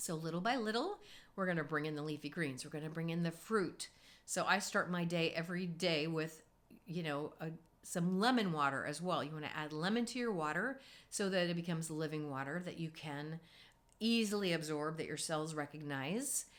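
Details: Adult woman speaking; normal speech.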